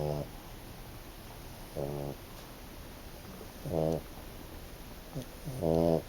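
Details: Snoring in a five-month-old French Bulldog: regular short, rumbling snores about every two seconds over a background hiss.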